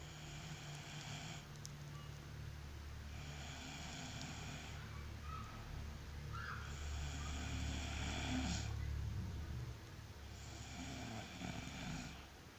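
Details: Snoring the snorer calls very strange: four long, noisy breathing sounds over a steady low background hum, roughly every three seconds.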